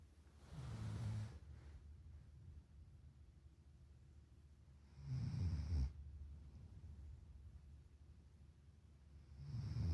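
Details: Snoring: low rumbling snores on the breath in, about every four seconds, with quiet breathing between.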